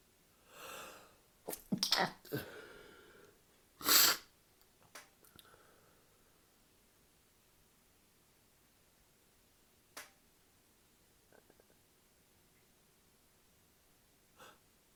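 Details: An adult, after drinking alcohol, sneezes several times in quick succession, followed by quiet sniffs; drinking often triggers such fits for no clear reason: a sneezing fit.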